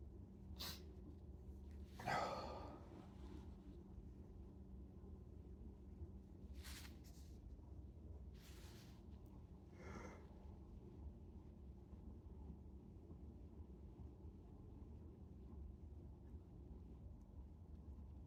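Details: Several sharp, breathy sneeze bursts with sniffs and quiet room noise between them, self-induced by a man after showering; sneezing.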